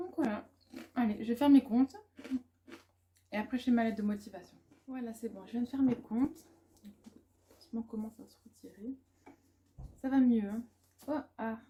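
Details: Adult woman, a student and mother, with stuttering and speech blocks that she says worsen with background noise; she calls it a likely lasting brain dysfunction and is considering a speech therapist assessment.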